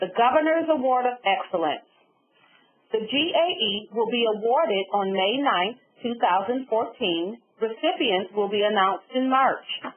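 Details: Adult woman speaking over a telephone-quality line; typical speech.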